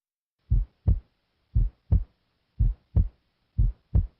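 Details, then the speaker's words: Adult male patient auscultated with stethoscope diaphragm at the heart base; steady paired low heart sounds at about 58 beats a minute, the first sound normally softer than the second; normal S1 at the base. "S1 is caused by closure of the AV valves it is loudest at the Apex and sounds like this at the base S1 sounds like"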